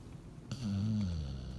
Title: Yep that’s my dog snoring